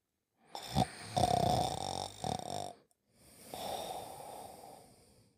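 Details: Performed cartoon snoring by a sleeping character in a cartoon series (1988-1992), not a real sleeper: rough, rattling noisy breaths in and out with a brief pause between.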